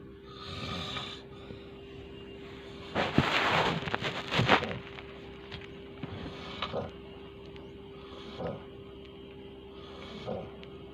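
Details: Adult man (a father) asleep gives several noisy, rattling snores with breathing between them over a steady low room hum; snoring.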